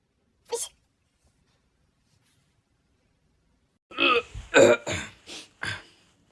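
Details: Sneezing: one sharp, brief sneeze, then a pause and a run of four or five quick, softer sneeze-like bursts; sneezing.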